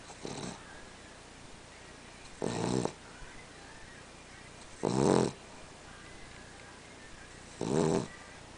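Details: Dog that snores all the time, sleeping: four rough, rattling snores a few seconds apart, about 23 a minute, with quiet in between; snoring.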